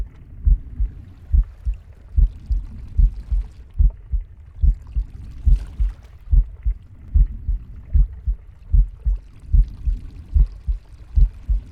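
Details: Pig's normal heartbeat with breathing and stomach growling: steady, regular low thumps at about 73 beats a minute, with soft breathing and body rumbles underneath.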